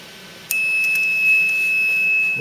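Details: A click, then a steady high-pitched electronic tone as a Vela adult/pediatric ventilator is switched on at its main power switch in a demonstration; a normal start-up beep.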